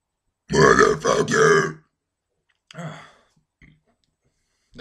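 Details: Deliberate belch-talking: a long, loud burp shaped into English swear words, then a shorter burp.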